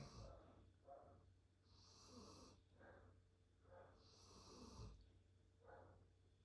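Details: Dog lying as if asleep, eyes open per owner: quiet rhythmic snoring with rough, snorting breaths in and out about every two and a half seconds; snoring.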